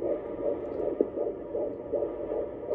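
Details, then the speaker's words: Doppler fetal heartbeat at OB appointment in a pregnant woman with gestational diabetes: rapid, regular whooshing pulses about 150–160 per minute, stated as 150s and perfect; normal fetal heartbeat. "150s, it sounds perfect. Oh my gosh. That's so cool."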